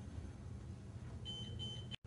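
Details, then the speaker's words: In-hospital resuscitation demonstration with AutoPulse: defibrillator placed right of patient and switched on; low room rumble, then a soft, high, pulsing electronic start-up tone. "He or she places the defibrillator to the right of the patient and to the right of him or herself. Turns the defibrillator on."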